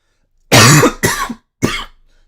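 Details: Post-viral cough.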